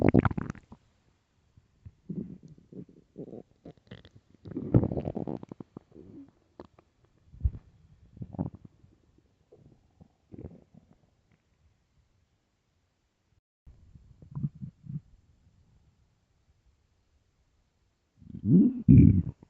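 Low gurgling, rumbling bowel sounds in irregular bursts with pauses; stomach growling from a hungry, bloated stomach.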